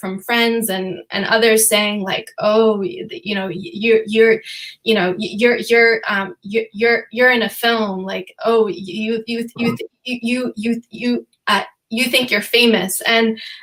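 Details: Stuttering in an adult female, real, who says she stutters sometimes, with repetitions of words and phrases, during a panel discussion.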